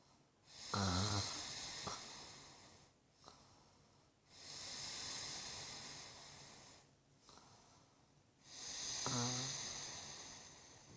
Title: Snoring wife